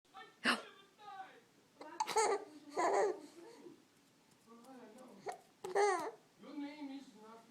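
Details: Baby laughing and babbling, broken by sudden sharp catches in the voice fitting hiccups.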